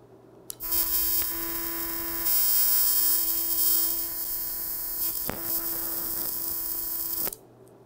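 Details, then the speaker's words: Sudden high buzzing hiss for about seven seconds, then abrupt silence: an electrosurgical unit discharging purple sparks from its active electrode in an educational demonstration. "今観ていただいた紫色の火花が放電現象です"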